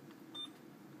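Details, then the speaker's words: Single brief high-pitched electronic beep over low room hum: keypress tone of an infusion pump being programmed for PCA, selecting unit, PCA channel and confirming time of day. "select whether this patient is new or old then select the unit you will be working in select the pca pump channel confirm the time of day"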